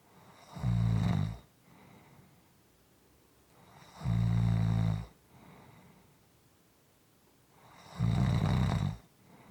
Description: This is a 6 1/4 minute clip of snoring.